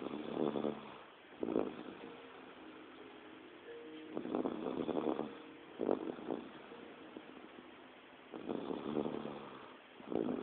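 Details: A person asleep in a spare bedroom snoring: harsh, rattling snores at uneven intervals, roughly 14 a minute, over a quiet room with a faint steady hum.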